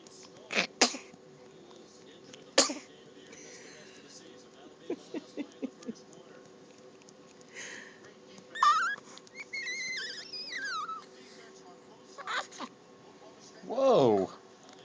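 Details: A baby on day five: a quiet room with soft breathing, a couple of sharp sneeze-like bursts, then brief fussing cries; sneezes.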